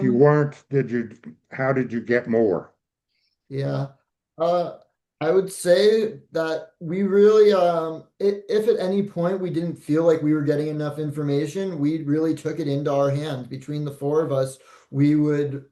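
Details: Adult man; normal speech.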